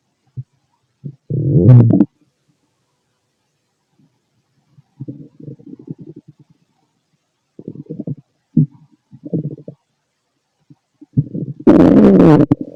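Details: Male stomach noises while digesting food: gurgling, rumbling bursts with quiet gaps between them; ordinary bowel sounds (borborygmi) of digestion.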